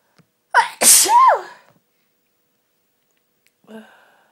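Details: A sharp in-breath followed by one loud explosive sneeze, then quiet, from the person's own irritated, "tortured" sneezy nose at Christmas; an ordinary sneeze.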